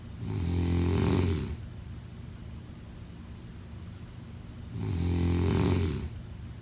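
Loud, rumbling snores with each in-breath, about two breaths in six seconds, with quiet pauses between.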